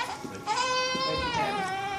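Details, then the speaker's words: Newborn crying after being woken from sleep during a chiropractic exam while limbs are moved for reflex checks: a loud, sustained, tonal cry with a strong, clear voice; an upset but ordinary cry. "I know you're mad. I know you were sleeping and now Mr. Ross is waking you up."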